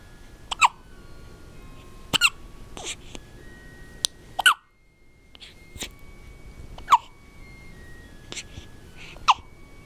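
Sharp, brief hiccup sounds recurring every one to two seconds, about seven over ten seconds, against a quiet room; hiccups.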